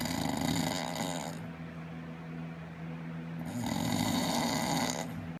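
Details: An adult friend who denies snoring, recorded while asleep as others confirm they are awake: loud, rattling snores on breathing in, with quieter pauses between them.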